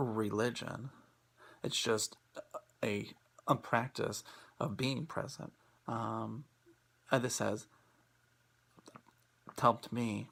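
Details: Person who stutters, presenting on acceptance and commitment therapy (ACT) for stuttering; stuttering.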